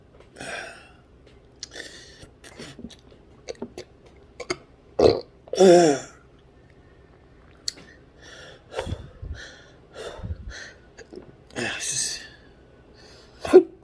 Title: Intractable Hiccups June/July 2021 [6] years into this torturing debilitating nightmare